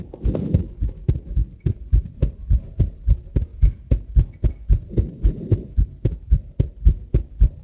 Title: 心音からの動画化2013.3.26 ver.2 / Heart MRI video with heart sound 2